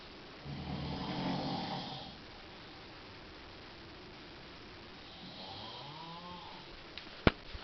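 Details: Adult male snoring while asleep in a hotel room around 3 a.m.: two slow, rattling snores a few seconds apart in a quiet room, then a sharp click; habitual loud snorer.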